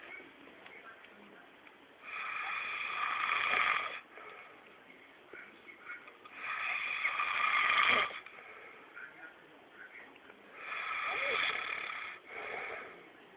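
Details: Rough, harsh snoring breaths about every 4 seconds, roughly 16 a minute, over a low background hiss, from a sleeping man so deeply asleep that things placed on him don't wake him; loud snoring.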